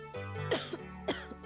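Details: Two short, sharp acted coughs about half a second apart over background music in a 1999 cough-medicine TV advertisement; a plain cough.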